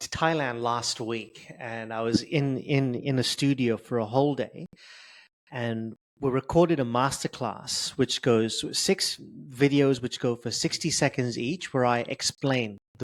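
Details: Adult male who has stuttered since age 10 and describes his stutter as severe; stuttering.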